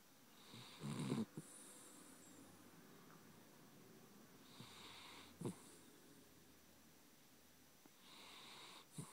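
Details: Chiweenie (small dog) snoring in sleep: soft, airy snores, a few breaths each ending in a faint snort, quiet room.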